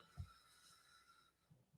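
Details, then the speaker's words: Sleeping dog snoring in the background, picked up on a microphone: quiet low snorting breath sounds with a steady electronic hum; canine snoring. "I don't know if you can hear Jean Bugu snoring there in the background. Well, with my dog snoring very loudly."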